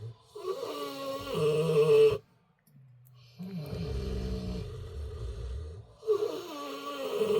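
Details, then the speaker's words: Kunekune pigs huddled in their shelter on frozen, snowy pasture: low, drawn-out grunting and rumbling breaths while resting; snoring, normal in sleep. "This is pretty much exactly where they're staying right now. I think you can hear them snoring in there."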